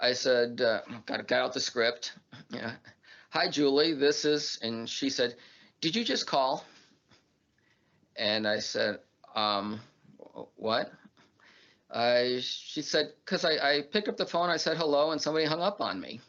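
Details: Adult man who stutters; stuttering.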